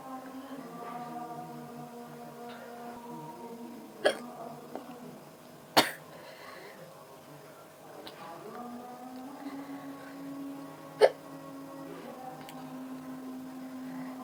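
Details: Hiccups during a green chili eating challenge: three abrupt, sharp hiccup sounds spaced a few seconds apart, over loud background music.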